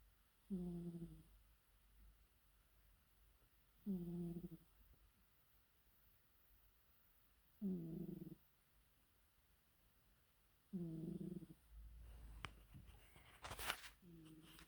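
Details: Cat snoring: soft, low rumbling snores at about 18 breaths a minute with quiet pauses between them.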